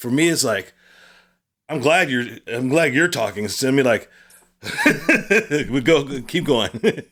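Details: Aphasia in an adult man attending weekly speech therapy.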